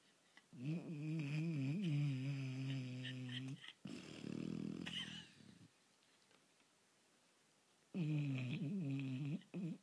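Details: Loud, drawn-out vibrating snores with rasping exhalations between them from a sleeping dog; heavy snoring.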